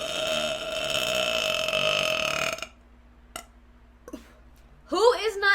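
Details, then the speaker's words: A live streamer who says they are very gassy burps on stream: one long, loud, steady belch lasting over two seconds, then quiet, faint clicks and the start of speech. "these burps I need to make a compilation for the damn YouTube"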